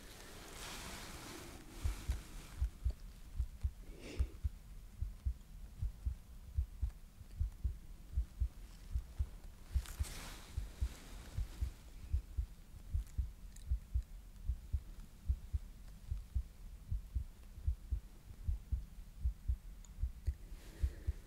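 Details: Steady low heart thumps through a stethoscope on the chest at about 75 a minute, with soft breath and rustle noise, in a simulated ASMR emergency exam.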